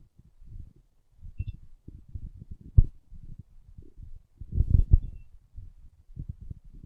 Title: My stomach growling